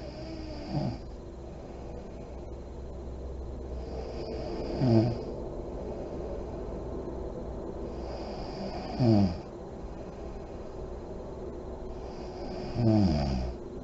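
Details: Adult woman (mom) snoring in deep REM sleep with lights on, with deep breathing: deep, low rumbling snores with each in-breath, about 14 breaths a minute, over steady room hum.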